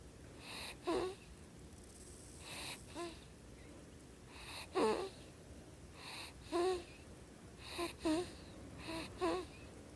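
Short squeaky, whistling noises with breaths, about every one to two seconds, over quiet room noise; whistling, wheezy snoring.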